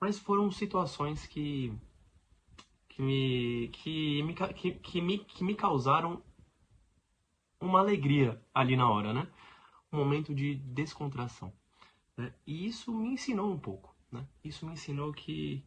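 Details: Stuttering in an adult man who lives with it daily; Portuguese speech.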